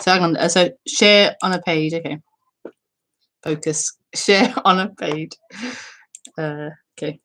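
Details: Self-reported stuttering in a female speaker during live spontaneous speech.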